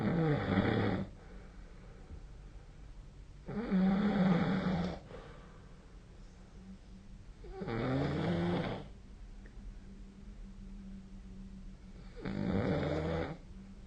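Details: Loud rattling snores on each inhalation, about 16 per minute, with quiet pauses between them; typical snoring during sleep.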